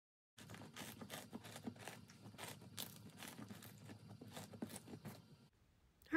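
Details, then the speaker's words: Simulated subcutaneous crepitus, made with Rice Krispies in double Ziploc bags placed inside a manikin's chest: pressing the chest gives dense crackling, crunching bursts. "alright, that was a fast and dirty way to get crepitus."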